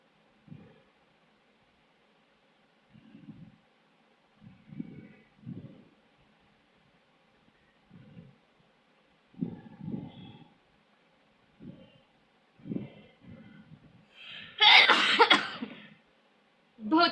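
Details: Sneezing challenge: soft sniffs and short breathy puffs build up to one loud, explosive sneeze near the end.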